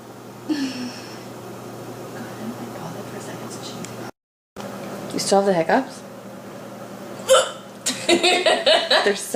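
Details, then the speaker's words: Repeated sharp, voiced, frog-like hiccups from a girl, several in close succession amid room noise, laughter and background talk; persistent hiccups that she has been unable to stop. "i don't wanna hiccup anymore thank you wait for it [Laughter] you sound like a frog"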